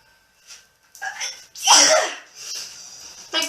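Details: Woman with apparent allergies, saying her voice is turning nasal, gives a single sneeze during a product haul: a quick in-breath catch, a sharp hissing burst, then a short exhale.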